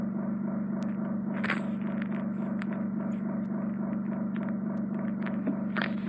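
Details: Endoscopic microsuction of severely impacted ear wax from a woman's left ear, straightforward removal; steady low suction-motor hum with scattered crackles and clicks as wax is drawn out.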